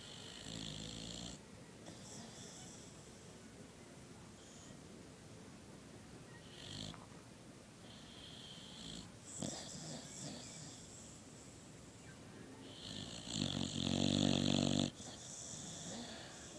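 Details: Sleeping female boxer dog with a flat, brachycephalic nose that makes her snore; rough, rattling snores with louder snorting breaths near the end. Snoring.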